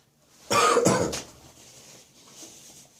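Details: Two or three deep, loose, rattling wet coughs from a spring cold now stuck deep in the chest; wet productive cough.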